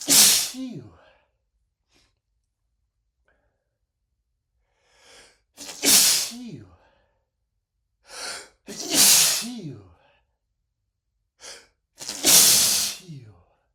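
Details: Four forceful sneezes, each preceded by a sharp in-breath, a few seconds apart, from a male: a persistent sneezing fit after cooking with lots of black pepper to see whether it would trigger sneezing.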